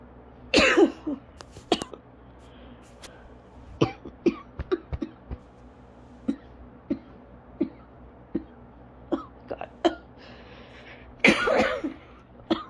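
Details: Repeated short, dry coughs with two harder, harsher bursts from an adult in an asthma coughing fit lasting over 30 minutes, causing lightheadedness, dizziness and difficulty breathing normally.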